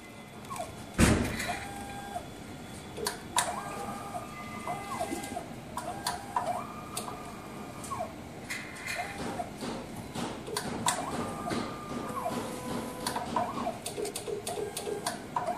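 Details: MSLAB07 automated blood analyzer running its startup and background check: mechanical whirring with stepping-motor tones, clicks and thumps after reagents (diluent, rinse, lyse) are primed and the sample test button is pressed; analyzer operating.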